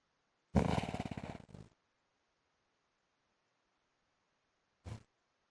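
One long rattling, throaty snore, then a shorter snort a few seconds later. Loud snoring.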